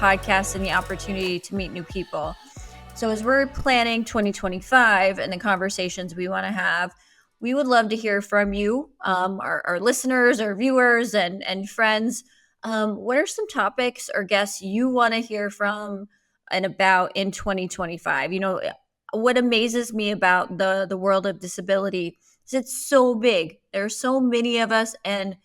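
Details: Adult woman speaking; typical speech.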